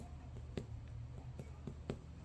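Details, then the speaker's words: Finger percussion of the upper abdomen during a head-to-toe exam: soft, hollow taps giving a tympanic note over the epigastric air bubble; duller elsewhere, possibly bladder with urine. "So I hear the timpani, the epigastric air bubble. Sounds more dull over here, probably the bladder has urine in it."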